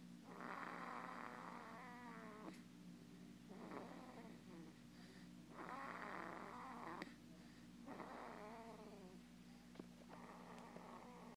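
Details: Baby snoring at the doctor's office; snoring.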